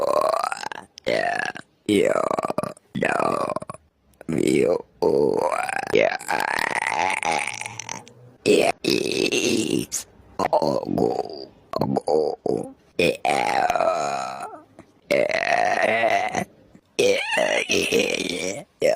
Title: Burping compilation